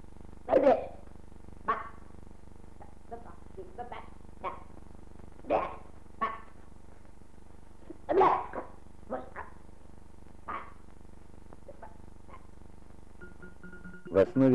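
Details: Vocal tics in Tourette's syndrome with generalized tics, a fast hyperkinesis with rough hyperkinesis of the facial and speech muscles causing pronounced speech impairment, which later almost disappeared with haloperidol; real patient, 1979 film.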